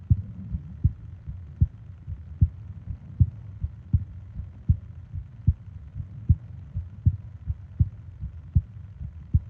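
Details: Japanese sleep ASMR recording of heartbeat and breathing sounds, 20 minutes long: steady low heartbeat thumps at about 75 a minute with a soft low hum; normal heart sounds.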